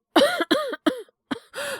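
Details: Acted cough: five short voiced cough bursts in a row, performed by a male voice actor in a Japanese drama. He plays a teacher suffering from cough and fever. All of it is acting.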